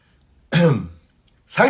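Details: K-pop singer coughing: a single voiced, throaty cough followed by the start of another, in a quiet room.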